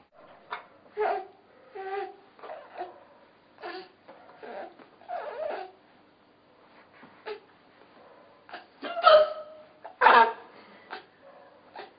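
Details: Mother with hiccups: repeated abrupt, voiced gulping sounds about once a second, mixed with laughter.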